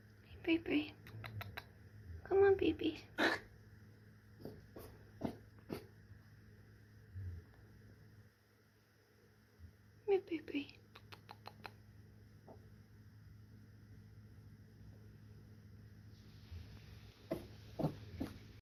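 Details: A dog's sneezing fit, several sharp nasal bursts over a short stretch with quiet room noise between.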